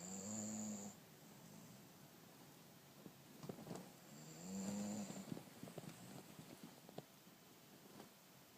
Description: My German Shorthaired Pointer snoring away on the couch.